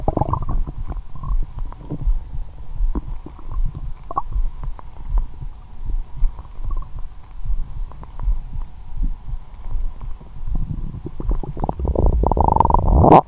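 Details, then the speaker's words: Adult's abdomen after a 22-hour fast followed by Christmas dinner and wine that left them drunk and nauseated: low rumbling and gurgling in the pit of the stomach with soft pops, growing louder; described as painful. Borborygmi. ""मेरे पेट के गड्ढे में मेरा पेट बहुत गड़गड़ाहट कर रहा है"।"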